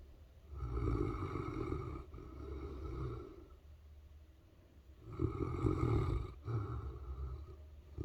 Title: Saint Bernard snores....❤️